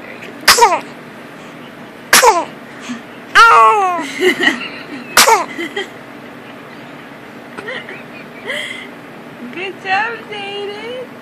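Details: Young child sneezes several times in quick, sharp bursts, with voiced sounds in between, after something made his eyes water.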